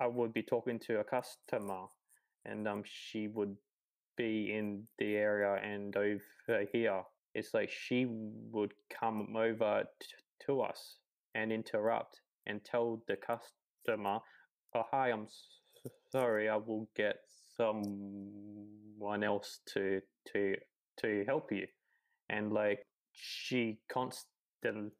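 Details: 28-year-old man who has stuttered his whole life; repetitions and fillers; stuttering.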